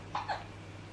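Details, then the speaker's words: A boy, the speaker's son, hiccuping in the background while nearby watching the filming; little hiccup noises. "if you can hear in the background little hiccups a little noise it is my son he is right near me watching me filming and he's hiccuping"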